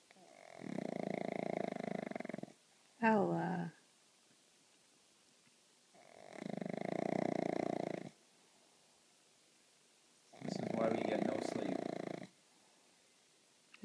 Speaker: Our new snoring pup.